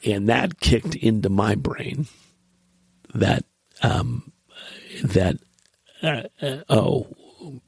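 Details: Adult man after a recent stroke, voice change among its first signs with unsteadiness, still has vertigo, voice different with a screwy chest-to-head transition; post-stroke voice change (dysphonia)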